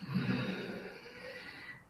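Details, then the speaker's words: Dog snoring in the background across a room, a single rough, noisy breath; the dog has breathing difficulties and is said to be in his last year of life. "You can probably hear my dog snoring in the background now. Is that what that is? There's a noise the whole time, and I'm like, is it your headphones?"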